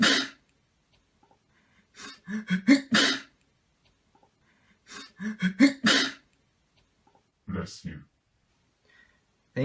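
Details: Two short runs of voiced catches ending in a forceful sneeze-like burst, then a softer throaty sound; sneezing.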